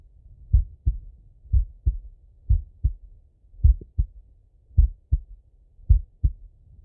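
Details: Male heartbeat on auscultation: clear, regular lub-dub at about 54 beats a minute. Normal heart sounds, slow rate.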